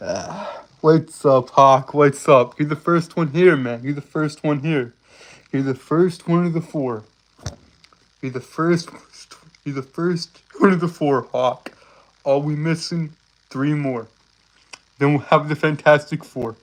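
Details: Stuttering with word and phrase repetitions in a male streamer who reports a speech impediment that makes him stutter and trip over his words.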